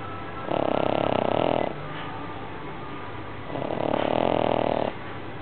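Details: Sleeping pug: two long, rattling snores about three seconds apart, each lasting over a second, with quiet breathing between; typical flat-faced dog snoring.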